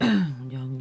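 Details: A brief voiced throat clearing from an adult woman with a hoarse voice from a heavy cold, pitch falling into a low, rough hum.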